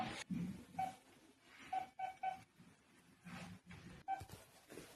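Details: Pulse oximeter finger probe on a patient monitor reading oxygen saturation and pulse rate: short, even electronic beeps repeating in a quiet room.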